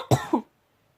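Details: Person still very ill, coughing during a vlog, saying they are choking all the way through: a loud harsh cough burst followed by a shorter second push, then silence.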